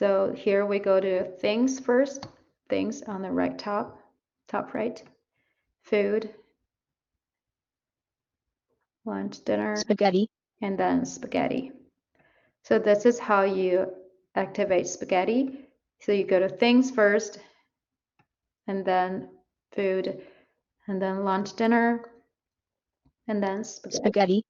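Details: Adult woman speaking; normal speech.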